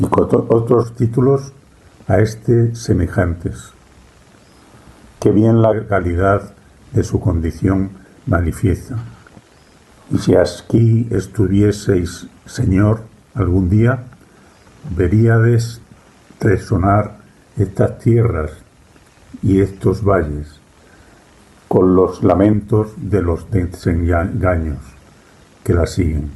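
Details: Real adult with aphasia, a member of a Spanish aphasia association, reading a classic Spanish literary text aloud in Spanish in a prerecorded reading; aphasia.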